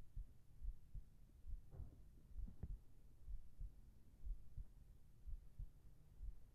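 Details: Binaural ASMR sleep recording with a heartbeat: soft, muffled low thumps at about 66 a minute with a faint hum behind them, a calm, steady heartbeat.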